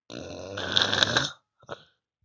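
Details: Snoring "like a tank": one loud, rough, rattling snore on the in-breath, then a short snort.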